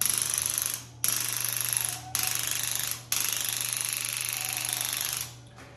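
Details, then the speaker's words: Pro Soft percussive soft-tissue device applied to points around the shoulders to relax mechanoreceptors and improve restricted range of motion, demonstration treatment; rapid mechanical hammering buzz in three bursts with brief pauses. "we then are going to take the machine and we're going to put this on points around the shoulders where they're moving to try to cause those mechano receptors to relax and let go"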